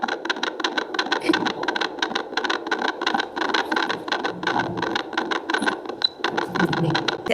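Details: Rapid, rhythmic whooshing thumps with a galloping, horse-hoof quality, from a handheld Doppler probe pressed and rotated on the pregnant abdomen; normal fetal heart sounds.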